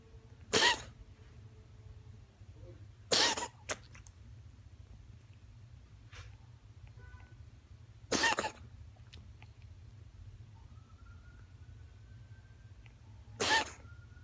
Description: My cat Lola coughing...